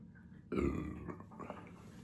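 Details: Single loud, low, rumbling burp of about half a second, after drinking soda; burping.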